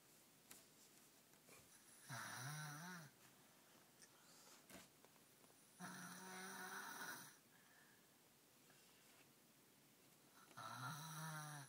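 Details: A sleeping baby snoring: three rattling, vibrating in-breaths about every four seconds with quiet breathing between, in a quiet room.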